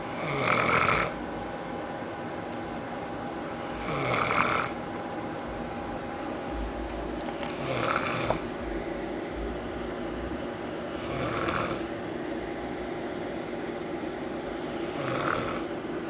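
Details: Regular snoring during sleep: rattling snores about every 3.5 seconds, roughly 16 a minute, over a steady room hum.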